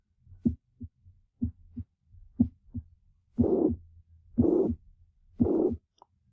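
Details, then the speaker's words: Patient with mitral regurgitation: three normal beats, then a high-pitched, blowing holosystolic murmur of constant intensity, as blood regurgitates into the left atrium; mitral regurgitation murmur. "so that swishing sound was the blood regurgitating back through into back through the mitral valve into the left atrium"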